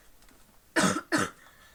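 Two short, forceful coughs in quick succession, followed by the start of a spoken word, in a quiet room; a lingering cough after a viral illness.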